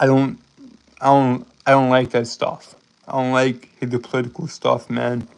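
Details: Stuttering in a male streamer who reports a speech impediment causing stuttery speech and tripping over words that he cannot help.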